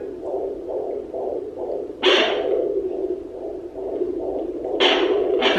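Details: Fetal heartbeat picked up by Doppler, heard by the family for the first time: rapid, regular whooshing pulses at about 133 a minute.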